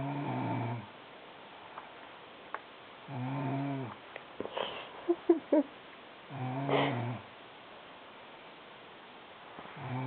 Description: My sister snores wayyy too loud!